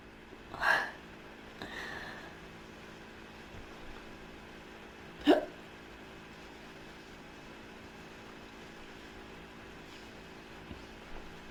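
A few abrupt throat sounds over steady room hum: a burp-like release and sharp hiccup-like catches, spaced irregularly.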